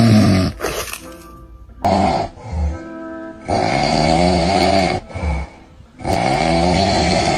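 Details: Loud, rough, rattling snores recurring with quieter pauses between them, over background music; snoring.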